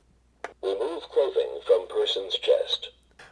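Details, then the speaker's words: AED switched on during an infant AED demonstration gives a recorded voice prompt to remove the baby's clothing to expose the pad sites; the machine has paediatric and adult pads: AED voice prompt. "we turn the aed on we will follow the promptings it's prompted us to remove the clothing so that we can actually access the points that are important for placing the pads on the baby"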